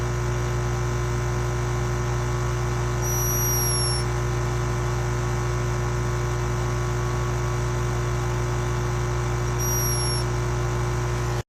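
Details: Rescued, tired hummingbird resting: two faint, very high, brief squeaks about six seconds apart over a steady electrical hum; snoring while sleeping.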